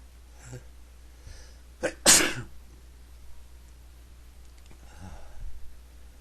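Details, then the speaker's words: Person feeling the urge to sneeze repeatedly: a short in-breath, then one sharp explosive sneeze, followed by a sniff and soft breathing in a quiet room. "I can't stop sneezing."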